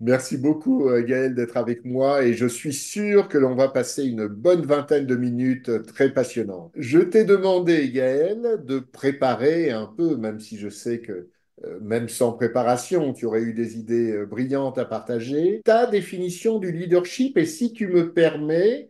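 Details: Adult male speaker; typical speech.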